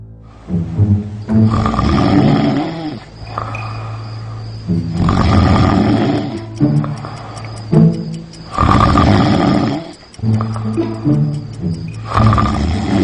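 Loud, rough, rattling snores repeat roughly every four seconds with music behind; heavy snoring.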